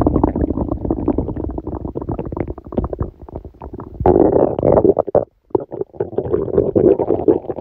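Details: Stomach rumbling: continuous loud gurgling and bubbling rumbles with a long low growl midway, active bowel sounds recorded while sleeping with a stomachache that began after Christmas dinner.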